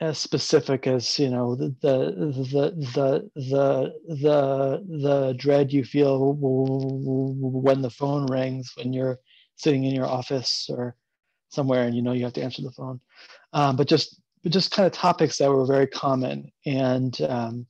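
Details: Adult man who stutters, open about his stuttering for about seven years, with repeated whole-word repetitions; stuttering.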